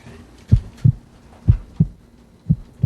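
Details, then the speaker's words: Child's regular paired lub-dub heartbeat at about 60 beats a minute, heard at a doctor's checkup chest exam with a stethoscope in a TV program; normal heart sounds. "That's pretty cool. I can hear my own heart."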